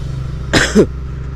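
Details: Single harsh two-part cough over steady motorcycle engine rumble during a ride through villages, from frequent coughing in the rainy season; cough.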